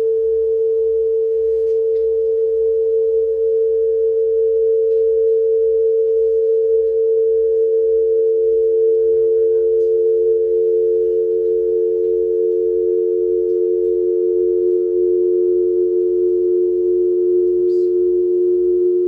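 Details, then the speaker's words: Amplified distortion product otoacoustic emissions recorded from an artist's ears for the installation labyrinthitis: steady, pure humming tones played one at a time, sliding lower down a standard scale over a faint low pulse. "This process informs the structure and material of labyrinthitis, which consists solely of recordings of distortion product otoacoustic emissions, which are played one at a time, moving down a standard scale."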